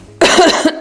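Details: Single deliberate adult cough, a short burst with a slight trailing throat sound, demonstrated by a doctor showing correct cough etiquette.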